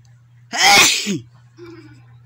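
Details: Sneeze brought on by tickling: a single forceful sneeze with a sharp, noisy burst, followed by a faint voiced sound in a quiet room.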